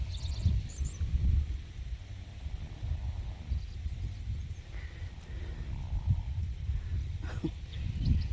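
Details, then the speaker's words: Low, rumbling snorts recur every second or two over outdoor farm noise and faint higher squeals of piglets: a sleeping sow snoring. "Can you hear her snoring?"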